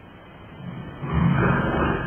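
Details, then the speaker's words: Patient with obstructive sleep apnea during polysomnography: quiet apneic lull as oxygen saturation falls, then a loud, rough, low snort and snoring as breathing restarts and oxygen rises. "한 잔의 새 내게 되고 숨을 저렇게 타결을 골게 되는 그러면 아래쪽 그래프를 사랑 다시 산소공급이 숨이 들어가니까 올라가 로 연락을 달라"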